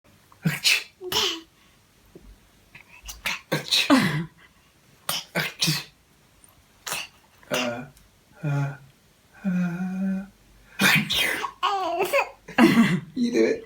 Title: Baby copying sneeze | CONTENTbible